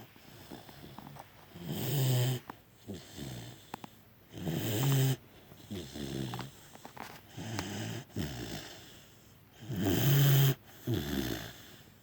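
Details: Sleeping dog snoring, with loud, rough, snorting snores on each breath and softer breathy sounds between, about 11 breaths a minute.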